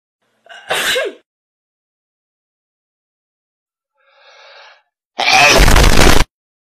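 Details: A pilot sneezing into the microphone: a short intake and a sharp sneeze, then after a pause a loud, distorted blast into the mic; sneezing.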